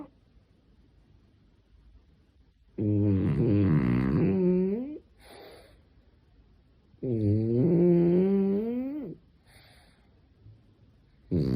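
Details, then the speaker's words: Cute dog snoring loudly while sleeping: loud, rough, drawn-out snores on each breath in, about two in ten seconds, with softer snuffles between. "Sarah, wake up. You're fucking snoring like a motherfucker."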